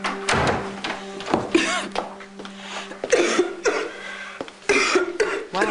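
An acted, repeated wet-sounding cough from an adult woman in a film scene, over a steady background hum.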